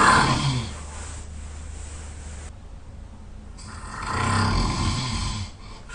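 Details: Loud, harsh snoring with snorting rattles, a quiet pause, then another rough rumbling snore, from a sleeper who was very tired; snoring.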